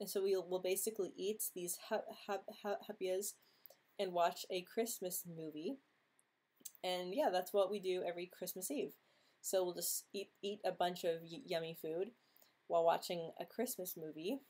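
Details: Adult woman who stutters and attributes her social anxiety to her stuttering; stuttering.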